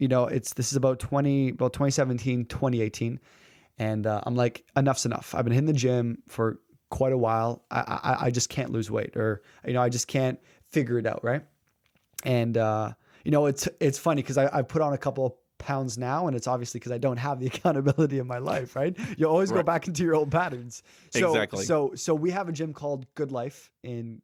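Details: Adult man who has stuttered since about age 3, with stuttering blocks and speaking anxiety and a family history of stuttering on his mother's side; developmental stuttering.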